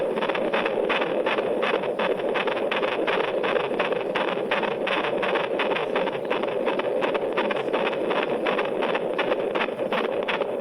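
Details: Normal fetal heart sounds detected at the bedside by Doppler ultrasound in a pregnant patient: rapid, regular whooshing pulses at roughly 165 per minute.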